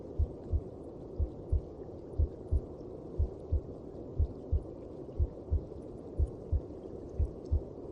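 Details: Heartbeat as heard inside the mother's belly: muffled, regular low paired thumps at about 60 a minute over a steady low whooshing rumble.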